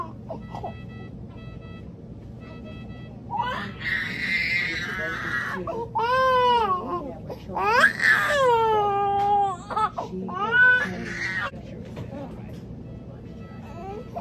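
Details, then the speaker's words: A 9-month-old baby girl cries after tongue-tie surgery (frenotomy). Loud, strained wailing comes in bursts with sobbing breaths between them in a quiet room. She is crying as if in pain after the procedure. "crying but I don't I really don't think so like she was really crying like she was in pain so yeah"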